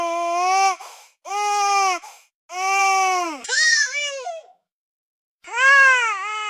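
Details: Newborn baby scream sound effect: loud, rhythmic, high-pitched wails in bursts with brief pauses for breath, a vigorous newborn cry.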